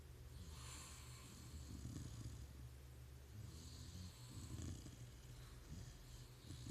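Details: Pit bull puppy snoring in sleep: soft, steady low snoring with slow breaths, about two cycles in seven seconds, over faint hiss; snoring.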